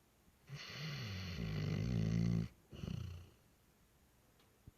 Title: Zeke the Black Lab snoring